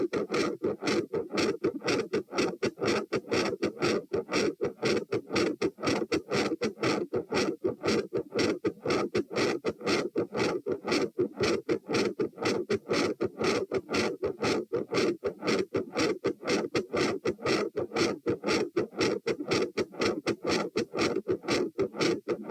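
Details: Heart sounds recorded at the tricuspid area (position T), 114 bpm: S1 initially varies in intensity with breathing, then becomes consistently loud; fast, regular rhythm.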